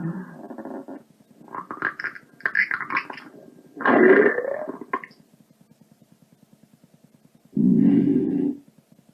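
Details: Sound-effect recording of stomach noises: bubbling gurgles and drawn-out low growls with soft ticking underneath; stomach rumbling.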